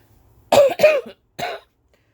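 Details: Three short hoarse coughs, two together and one after a pause, from an adult who has recently been ill.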